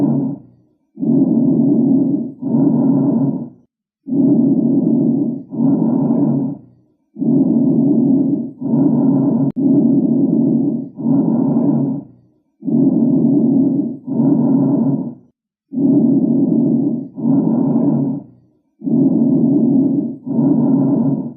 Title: Lung sound | Bronchial Breath Sounds #chestexamination #lungs #sound